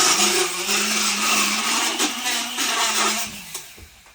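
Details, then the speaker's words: Horse that has had previous dentistry, at a routine float to even out uneven tooth wear: a steady high-pitched motor whine with wavering grinding, then trailing off, as a powered float rasps the teeth; motorized equine dental float. "that's why we come in and do the float because a lot of times they don't they rubbed evenly and this helps them"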